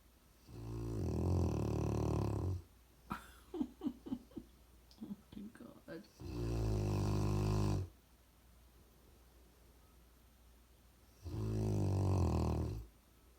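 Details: Loud, low, rattling snores about two seconds long, with quieter snuffling between them in a quiet room.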